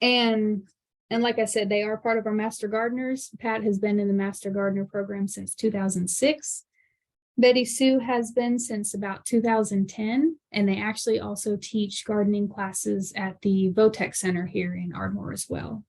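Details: Adult woman speaking; Normal voice.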